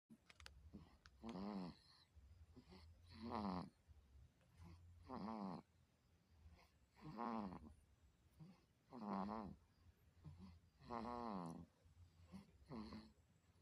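Loud, rattling snores with each breath in, about 30 a minute, quiet breaths out between them: snoring.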